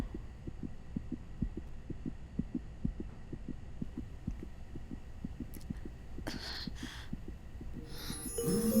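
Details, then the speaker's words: Fetal heartbeat on a monitor in a dramatized film scene, described as the first heartbeat of a pregnancy: rapid, regular thumping pulses at about 140 a minute over a steady hum, with a brief burst of noise near the end. "உயிரோட முதல் துடிப்பு initiation of heart beat சத்தம் கேட்குதாம்"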